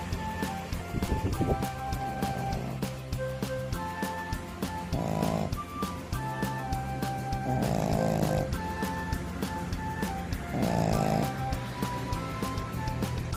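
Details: Female Pekingese dog born July 2015, a short-nosed small breed, snoring loudly while asleep: three loud, rough snorting snores a few seconds apart over background music.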